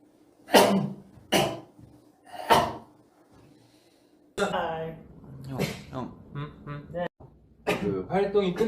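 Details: Three sharp sneezes in a row from a K-pop singer, followed by ordinary speech in a small room.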